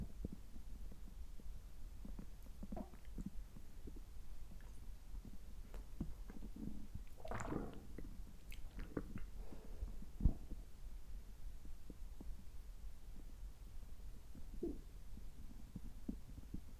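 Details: Abdominal sounds recorded after a checkup gastroscopy (normal results), while drinking water afterward; soft gurgles and rumbles over a low background hiss, ordinary bowel sounds.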